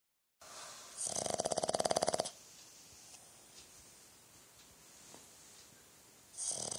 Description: Boston Terrier Snoring